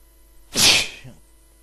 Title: Inducing sneeze (M)